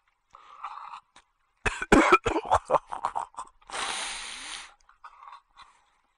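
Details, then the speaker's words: Gagging from a vlogger reacting to disgusting videos: a quick series of harsh throat spasms and coughs, then a long strained exhale. "Vor allem kommt der, oh Gott, der kotzt da rein und dann ist er trotzdem weiter."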